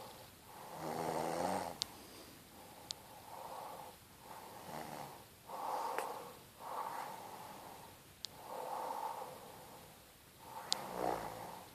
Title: My mrs said she dont snore. Yea right!!